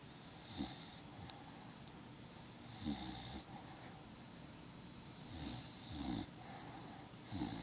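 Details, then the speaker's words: A dog sleeping in the owner's lap snores softly and rhythmically, with low snuffling bursts on each breath. "And you're still snoring."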